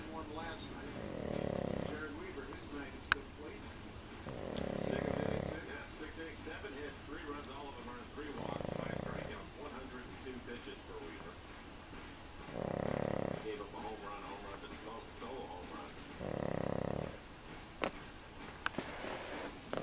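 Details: Pug snoring in sleep, caregivers suspect her small nose restricts airflow, snores loud enough to rattle windows: five rough, rumbling snores every three to four seconds over room noise with occasional clicks.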